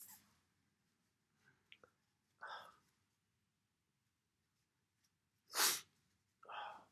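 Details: Self-induced sneezes: soft breathy catches and sniffs, then one sharp loud sneeze followed by a short nasal exhale; ordinary sneezing.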